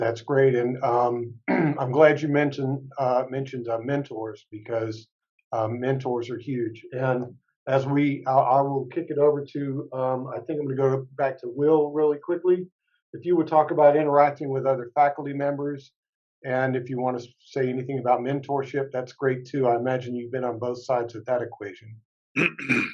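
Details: Adult male speaker; normal fluent speech.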